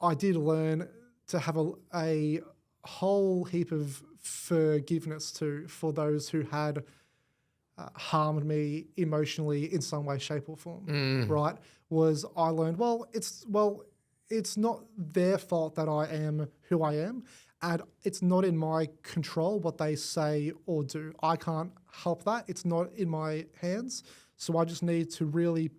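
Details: Adult male with cerebral palsy; stutter described as a symptom of it, managed with McGuire Programme techniques; stuttering.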